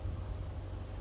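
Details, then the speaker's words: Omron KJR-Y53W 5-litre oxygen concentrator just switched on, running at a flow of 5 litres per minute while oxygen concentration rises; the steady operating sound of the machine producing oxygen. "Ê mày bắt đầu chạy ở hiện tại lưu lượng đang ở mức 5 lít trên phút"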